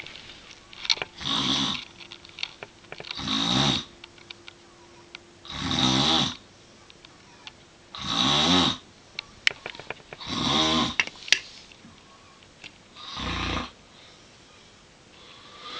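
Six rough, rattling snores on the in-breath, about 25 a minute, with quiet pauses between them; ordinary snoring.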